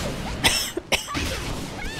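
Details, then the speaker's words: An adult gamer coughs, aiming away from the microphone, while recovering from illness; long talking still strains his lungs. "Excuse me. I'm trying to aim away from the microphone as I cough here."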